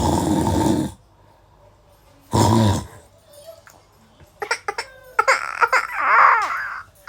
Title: شوفوا شهم كيف بخاف من الشخير 😂😂 #explore #اكسبلور #foryоu #funny #دويتو #ترند #comedy #تيك_توك